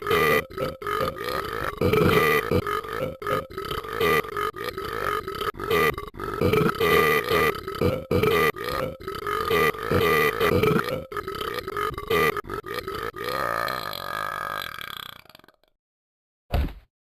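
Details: Animated cartoon character (Talking Ben) burping; one very long, rumbling burp lasting about fifteen seconds, ending with a brief grunt; burping.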